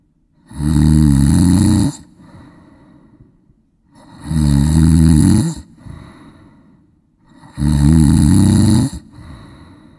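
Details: Man snoring, from a sound-effect recording that may be artificially enhanced: loud rattling inspiratory snores, each followed by a quieter exhale, about 17 per minute; heavy snoring.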